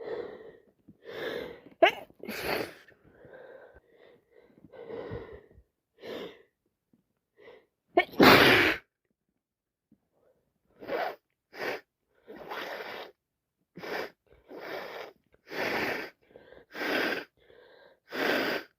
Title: My boss and me sneezing tonight both full of flu either me or her sneezing and one point